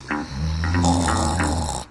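A single long, low rumbling snore with a rattling, buzzing quality and a hissy tail, acted in a comedy skit; snoring.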